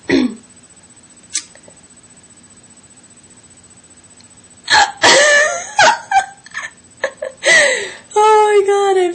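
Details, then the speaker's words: Young woman with a long, unusually strong bout of hiccups: brief sharp catches of breath with a few vocal hiccup sounds and laughing speech between them. "so I have the hiccups and they're bugging me right now because I'm just this has been going on for quite some time now and usually they're not this crazy but today they decided to attack and really [Music] make and really make me hiccup because my goodness"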